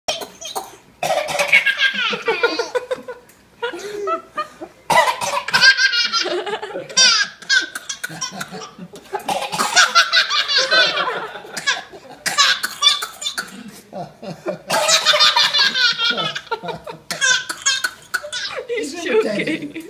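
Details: One-year-old toddler laughing so hard it makes him cough: hard bursts of laughter breaking into short coughs between fits; laughter-induced cough.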